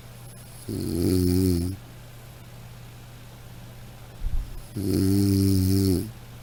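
Two loud, buzzing, tonal snores about four seconds apart with a snort between; snoring sound effect.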